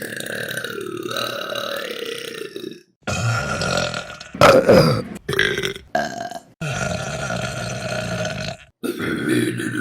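Several long, loud, voiced belches in a row with short pauses between them; repeated burping.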